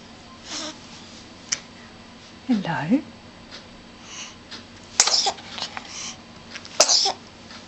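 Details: Baby sneezing in a bouncinette: two sharp, hissing bursts after a few softer breaths and throat sounds, steady room hum; sneezes.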